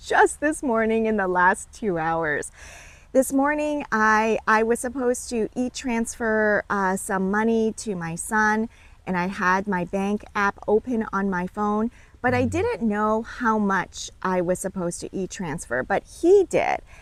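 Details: Adult woman speaking; conversational speech.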